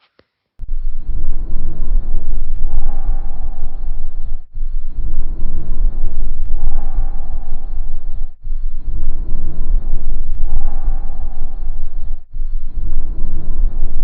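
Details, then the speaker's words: Steady bronchovesicular breath sounds at about 15 breaths a minute, inspiration and expiration similar in length and loudness; lung auscultation teaching demonstration. "agora um exemplo para vocês do som broncovesicular"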